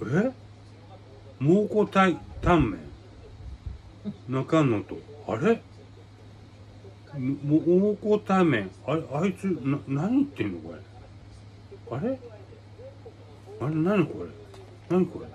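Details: Adult man with aphasia and hemiplegia following a brain hemorrhage, with paralysis; real patient speaking spontaneously; aphasia.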